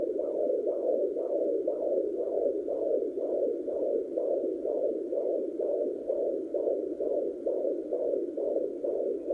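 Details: Pocket fetal Doppler recording of a baby boy's fetal heartbeat at 29 weeks (28 weeks 6 days) of pregnancy: steady whooshing pulses, about 128 beats a minute, over a constant hiss.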